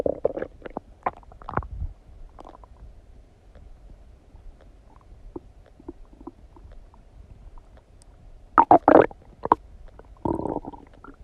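Irregular gurgles and bubbling squelches with quiet gaps, louder bursts near the end; ordinary stomach rumbling during digestion after a meal.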